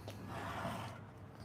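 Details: A single forceful, breathy blow of air through the nose: a snort from a tightly muscled lesson horse during his second chiropractic maintenance adjustment, while being brought around to the left shoulder after neck movement checks.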